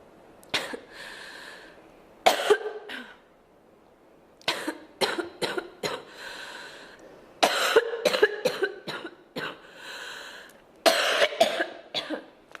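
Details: Repeated clusters of harsh coughs from a girl, several bursts per cluster, with brief breaths between.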